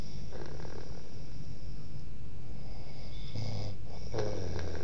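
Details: Deep, low, rumbling snores rising out of a steady background hum, with two louder snore bursts near the end; snoring recorded in 2008.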